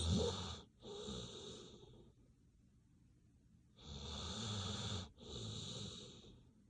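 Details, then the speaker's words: Sleeping dog named Bailey snoring in slow cycles, each breath a rough, whistly rattle with quiet pauses between, with background music. "relaxing sounds of sleep. Doggy snoring is sleep inducing."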